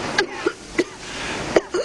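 Several short, light cough bursts from an adult woman, acted in a drama scene.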